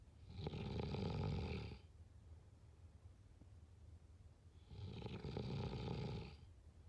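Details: Snoring.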